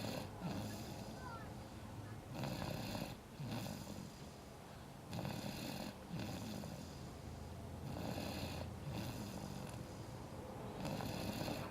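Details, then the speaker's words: Baby girl snoring while asleep in her car seat: soft, rough, rhythmic snoring breaths, about 21 a minute. "kira would say bye bye at this point but she's too busy snoring so this is mama signing off"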